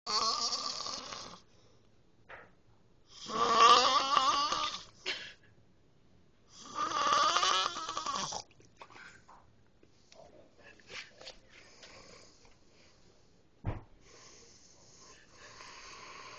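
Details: Loud, rough snoring from a sleeping man in a quiet room: about two snores with pauses between them, then softer breathing.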